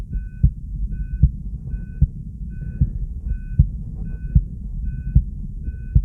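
Steady, regular heartbeat at about 75 beats a minute, with monitor beeps sounding alongside each beat.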